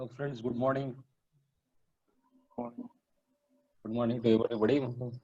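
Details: Adult male engineer who has stammered for 40 years, recorded after completing an online stammering training course; stuttering.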